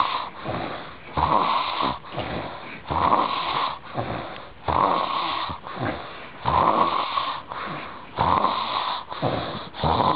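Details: Heavy continuous snoring: loud, rhythmic, rasping snores at about 34 a minute, each breath a harsh rumbling flutter.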